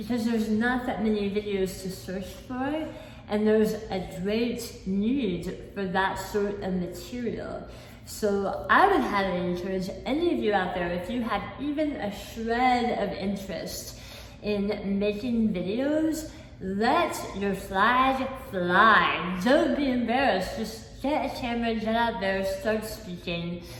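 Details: Articulation disorder with a lisp and imprecise articulation in an adult woman, not present from birth, after a 2018 hemiglossectomy for a large cancer at the back of the tongue; about half the tongue was replaced by a flap tethered to her cheek, limiting movement.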